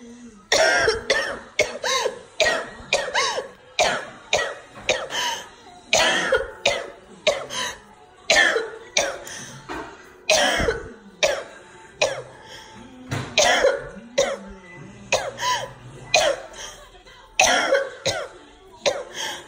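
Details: A mother having an asthma attack, as her service dog alerts and fetches her inhaler: rapid, repeated harsh coughs in a continuous run, a coughing fit during an asthma attack.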